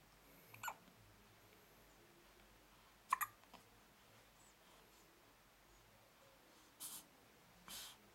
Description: has the hiccups, scratches himself at the end and cries.